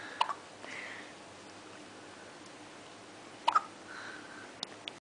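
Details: Three-day-old newborn: faint, sharp little hiccup clicks, about three in five seconds, over steady room hiss; infant hiccups.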